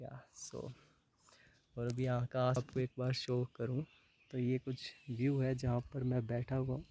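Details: Young adult man who has stammered for about 20 years and had never disclosed it before, filmed at a stammering boot camp, speaking Hindi and English; stuttering.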